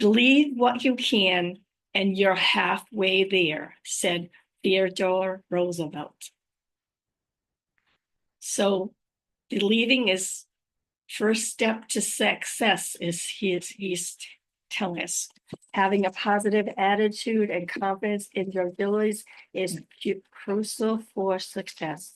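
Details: Adult woman with aphasia, apraxia of speech and dysarthria after a stroke; unedited speech with mistakes and pauses, recorded on a good day, usually in the morning before fatigue.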